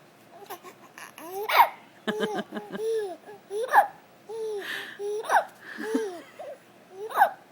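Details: Young child trying to talk: soft babbling broken by sharp, abrupt voiced catches every one to two seconds, about four in seven seconds; hiccups.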